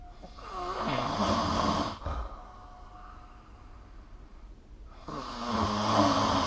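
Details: Snoring recorded during sleep with the SnoreLab app: two loud, rough snores on breathing in, separated by a quieter breath out.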